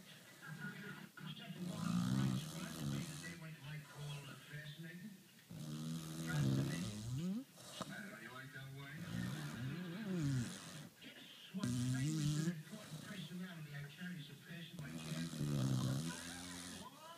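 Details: Loud, rattling snores about four breaths a minute, some with a whistling edge, from a dog adopted from the pound, sleeping; snoring.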